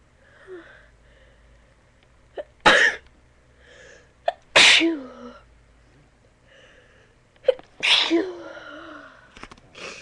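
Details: Three loud, explosive sneezes, each preceded by a quick inward catch of breath, while trying not to sneeze; ordinary sneezing.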